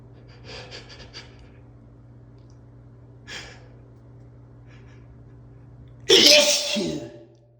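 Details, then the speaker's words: Male trying on request to hold back his sneezes: quiet held breaths and soft catches while saying "don't sneeze," then one loud, explosive ordinary sneeze; he fails to suppress it. "Don't sneeze. Don't sneeze. I'm gonna sneeze. Ew! Oh boy. I guess I'm not very good at this."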